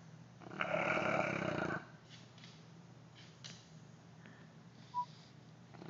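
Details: Neapolitan Mastiff, a rescued former shelter stray, asleep: one loud rough snore lasting over a second, then quiet breathing and a short beep; snoring.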